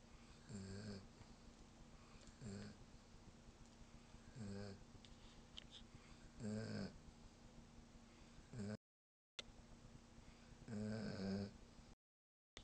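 Regular rattling snores about every two seconds, roughly 28 a minute, with steady background hum. Snoring during sleep.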